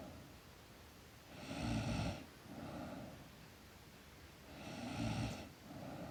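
Two rough, rattling inhaled snores, each followed by a softer exhaled breath, about three seconds apart; snoring in sleep.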